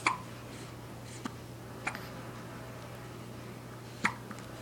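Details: Hiccups in one-week-old twin newborns: several soft, sharp hiccups, irregularly spaced over a steady low room hum.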